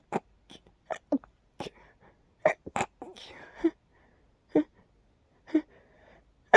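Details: Nighttime sneezing fit from an itchy tickle that got stuck: several short, sharp bursts with brief breathy sounds between, spaced irregularly over a few seconds in a quiet room; sneezing.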